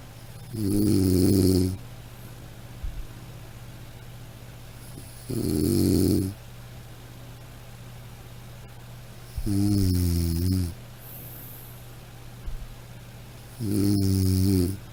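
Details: Snoring from a sound-effect recording: loud, rumbling snores on inhaling, about 14 per minute, over a steady background hum.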